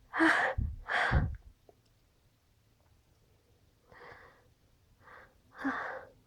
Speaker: I gotta sneeze.